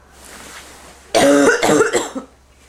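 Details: Adult with bronchitis gives a short run of about three harsh, voiced coughs after a quiet pause; bronchitis cough.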